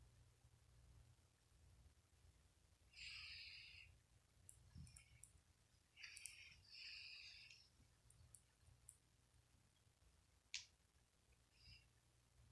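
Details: Tabby cat napping and snoring like a human: soft, hissy, raspy breaths in slow recurring bursts with quiet pauses between them.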